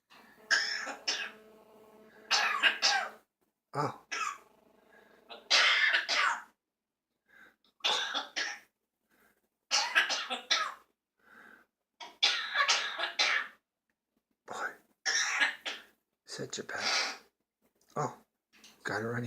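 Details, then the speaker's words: A dog with a cold, runny nose and bad cough gives repeated harsh, hacking coughs and throat-clearing bursts, about a dozen in quick runs, at bedtime. "We're gonna have to get you something for that cold. If you keep coughing like that."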